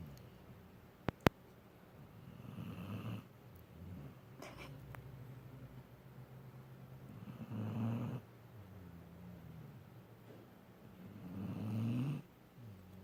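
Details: Sleeping puppy among sleeping pups: low, rattling snores on each in-breath, three in about 13 seconds, with quiet pauses between; slow, regular sleeping breaths; snoring.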